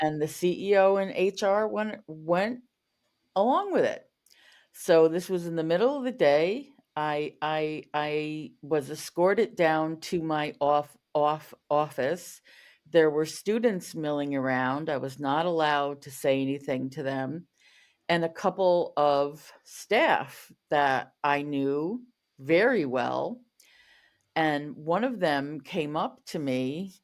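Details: Adult woman who stutters, a covert stutterer for over 35 years, with word and part-word repetitions; stuttering.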